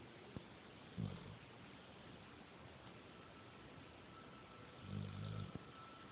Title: Dog snoring